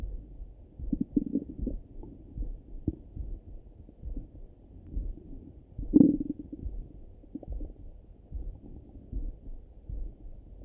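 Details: Morning stomach rumbling through a stethoscope: low gurgling, bubbling rumbles with scattered pops and one louder gurgle; normal bowel sounds (borborygmi).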